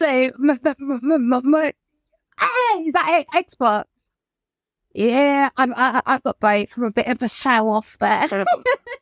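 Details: Adult woman whose childhood stammer recurred, brought on by lockdown and the trauma of her mother's death by suicide; she describes blocking; stuttering.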